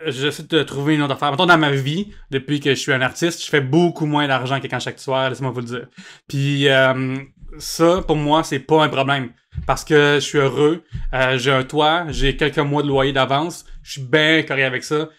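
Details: Adult male comedian and podcast host with cluttering (speech too fast or irregular, reduced intelligibility); only realized in adulthood that speech therapy could help, previously unaware the condition had a name; finding: cluttering.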